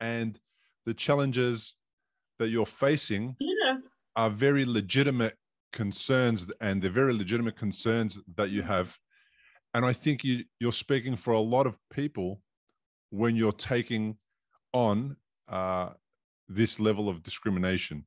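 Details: Adult male speaker; typical speech.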